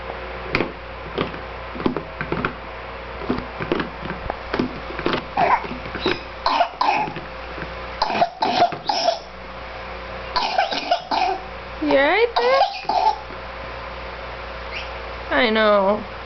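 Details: Baby with a nasty cold: repeated short, weak, pathetic-sounding coughs with brief whimpering cries.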